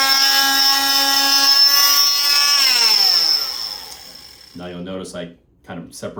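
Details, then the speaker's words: Oscillating cast saw bivalving a below-knee cast on a female patient, cross-hatching where cuts join: loud high buzzing whine whose pitch drops as the blade meets the cast, then stops. "And then I'm going to cross hatch where I join these two, meaning that I'm not just going to meet them like this, because then you're going to potentially not cut all the way through. You actually have to cross the lines to make sure you cut."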